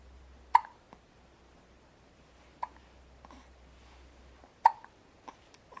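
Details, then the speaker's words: Little boy with hiccups: sharp, abrupt hiccup sounds about every two seconds, roughly 30 a minute, with fainter clicks between them, in a quiet room; hiccups. "ryan has the hiccups"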